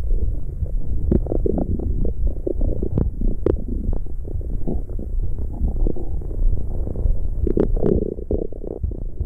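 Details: ASMR recording of stomach growling: continuous low gurgling and rumbling with scattered pops and squelches from gas and fluid moving through the gut (borborygmi).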